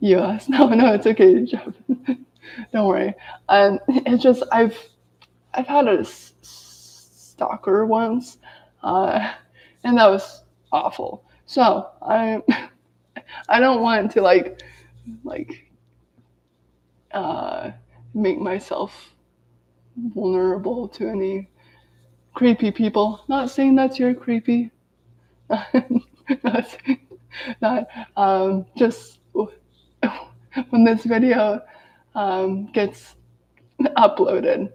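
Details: Adult woman with lifelong daily stuttering, severe in childhood, with speech blocks and S-words especially hard, speaking live while recovering from an illness; stuttering.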